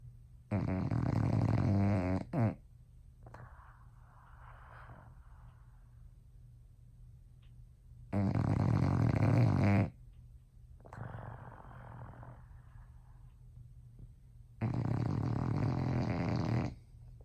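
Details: Bulldog snoring loudly while sleeping in bed: three loud, rough, rattling snores on the in-breath with quieter breathy out-breaths between, about eight seconds per breath. Heavy snoring.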